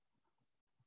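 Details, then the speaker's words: Simulated mild conductive hearing loss: average adult speakers talking in a quiet environment, heard as a brief muffled fragment of voice with crisp high sounds missing; pediatric hearing loss lecture demonstration. "here's again with a mild conductive hearing loss same speakers talking"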